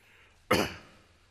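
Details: A single abrupt, harsh cough or throat-clearing burst from an adult man during his address to parliament, part of a coughing fit that briefly cost him his voice; he later tested negative for Covid-19; cough.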